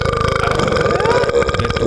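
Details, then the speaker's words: Person gaming and burping in a burp compilation: one long, loud, croaking belch lasting almost two seconds; a burp. "Sorry, I need to burp again."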